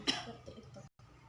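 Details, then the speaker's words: Single sharp, deliberate cough burst after instructed deep breaths in and out through the mouth, demonstrated by a nursing student on a woman; an effective (controlled) cough technique meant to clear phlegm with less fatigue. "tarik nafas buang tarik napas buang dan ibu bisa batukan batukan"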